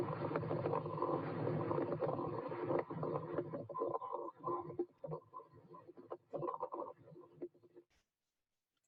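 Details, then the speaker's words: Stethoscope breath sounds during respiratory auscultation teaching, with repeated low bubbling pops; coarse crackles, heard after fine crackles. "let me listen this sound at first we heard fine crackles and now"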